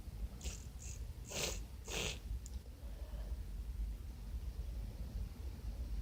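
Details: Congested person sneezing after white pepper: a run of four short, wet, hissing sneezes close together, with a congested sound and low room rumble.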